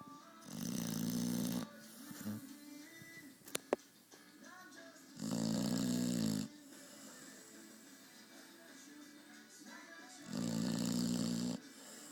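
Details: A beagle passed out in his chair, snoring: three regular, loud, harsh snores about every four to five seconds, roughly 14 breaths a minute, with faint music behind.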